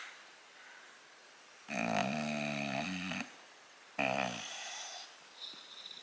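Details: English Bulldog snoring while awake and relaxing, not asleep: two loud, rough, rumbling breath noises with a buzzing low tone; noisy flat-faced dog breathing.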